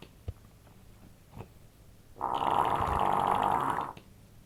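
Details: Grandmother snoring: a single long, loud buzzing snore after quiet breathing, with rapid fluttering vibration through the breath. Snoring.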